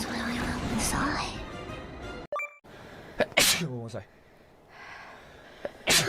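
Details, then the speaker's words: Streamer sneezing during a live game stream: two or three sharp, explosive bursts mixed with voice, with background game music and chimes; sneezes. "ごめんなさい。ごめんなさい。このゲームでくしゃみするのめっちゃ怖い。"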